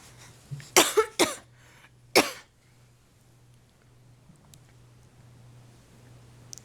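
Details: Woman still sick, with a doctor-diagnosed left ear infection: three to four harsh coughs in a quick cluster, then quiet room hum; a plain cough during illness.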